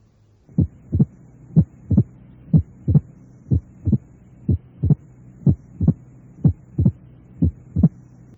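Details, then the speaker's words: Simulated mitral stenosis after rheumatic fever, about 60 a minute: short, sharp, high-pitched early diastolic opening snap, best heard at the left fourth intercostal space beside the sternum; mitral opening snap. "este chasquido de apertura generalmente se oye mejor en el cuarto espacio intercostal izquierdo junto al esternón Pero habitualmente puede oírse en casi todo el precordio es un ruido agudo y"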